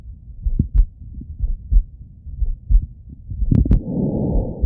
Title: Chill Auscultation 😊❤️🩺 [Male Heartbeat]